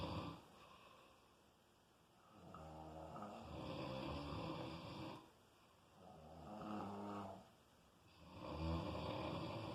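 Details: Snoring during sleep: loud, rumbling snores with long, drawn-out breaths, roughly twelve a minute.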